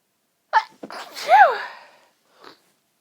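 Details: Incredibly tickly nose: short breathy catches build up to one pinched, stifled sneeze, then a faint breath in a quiet room; suppressed sneeze.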